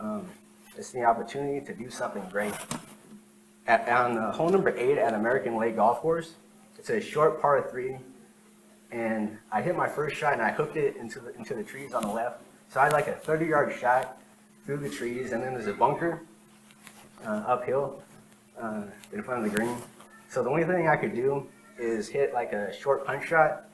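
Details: Real stuttering in an adult man, recorded while telling a story sometime between 2013 and 2019.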